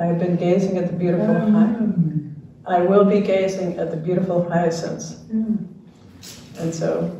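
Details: Retired male pediatrician with ALS diagnosed in late 2021; jaw trembling is neurologic clonus; his wife interprets his speech; dysarthria due to ALS.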